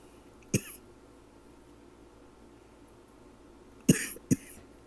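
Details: Persistent cough keeping the person awake at night for days: three short, sharp coughs against quiet room hum, one alone then two close together.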